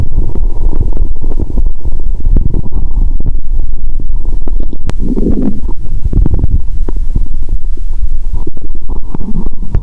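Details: Loud, constant low gurgling and bubbling through a stethoscope on the belly while lying down, after a Mentos and cola challenge (cola drunk, Mentos swallowed); very active bowel sounds.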